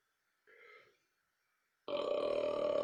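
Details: Burping: a short voiced belch-like sound, then a loud sustained burst of noise that ends the clip.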